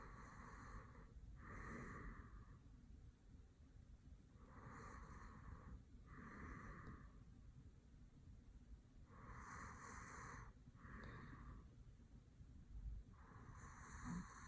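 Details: Sleeping adult male boyfriend snoring: soft, repeated nasal snorts and snoring breaths at about 25 a minute over steady room hum; light snoring.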